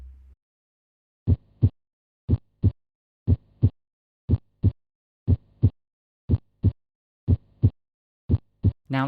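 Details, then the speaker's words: Teaching example of normal heart sounds: regular paired lub-dub S1 and S2 at about 60 beats a minute. "the S1 heart sound usually sounds like the word lub and the S2 dub let's add in the heart sounds briefly so you can familiarize yourself with this"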